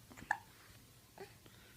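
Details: A short, sharp catching sound and a fainter second one in a quiet room; hiccups.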